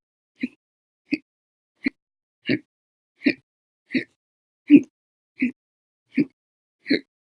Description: The Violent, Bad Loud, Silent, Minute, Second Hiccups lasted 13 Hours and 20 Minutes for after eating Breakfast, Lunch, and drinking 1 cup of soda after Dinner on 9/12/19.